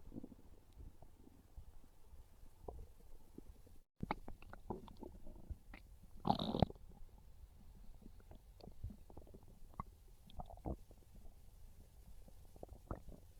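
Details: Irregular low gurgles and rumbles with one louder growl; ordinary hunger stomach growling (borborygmi), described as craving pizza.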